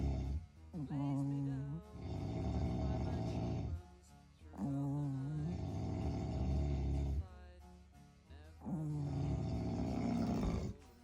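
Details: A man snoring in sync with another sleeper during a power nap, described as extremely loud: rough snores in long cycles, about three over eleven seconds, each starting with a voiced groan.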